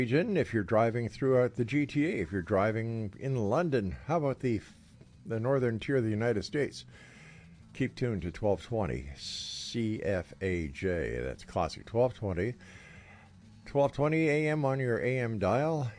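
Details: Adult male radio host; normal voice.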